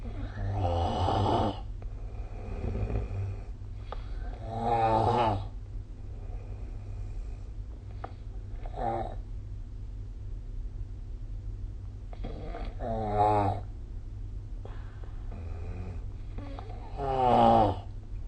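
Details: Sleep snoring recorded with the SnoreLab app: loud rattling inspiratory snores, about four in 18 seconds, with quiet pauses between over steady room hum; snoring.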